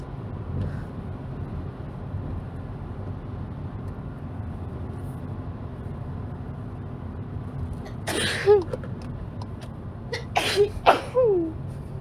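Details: Repeated sneezing from a female with a cold, runny and itchy nose, recorded in a car: several sharp, explosive sneezes in quick succession over steady road noise.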